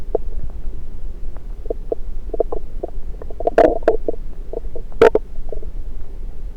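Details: Frequent gurgles and bubbling clicks over a low steady rumble: normal active bowel sounds, stethoscope placed on multiple sites around the recorder's own abdomen.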